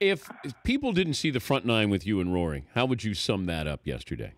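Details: Adult male speaker; normal speech.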